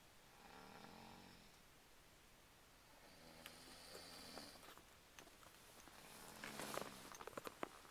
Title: Snoring Capture with Night Vision feel